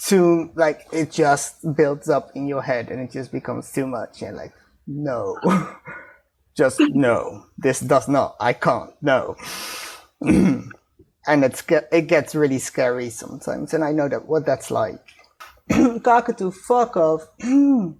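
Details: Adult speakers in conversation; Tourette syndrome vocal tic.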